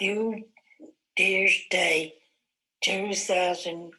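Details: Woman aged 69 years 11 months after stroke, WAB type Broca's aphasia with aphasia quotient 63.9, answering an interview question: Broca's aphasia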